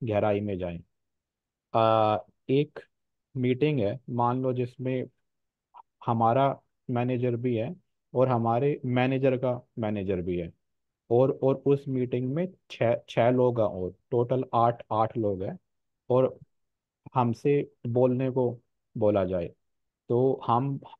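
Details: Real stammering in an adult man who says he fears speaking after giving stage talks; stuttering.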